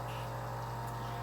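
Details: Salternative microdermabrasion on a model, first of three steps: steady low motor hum of a sea-salt-crystal wand with fine, slight, controllable suction.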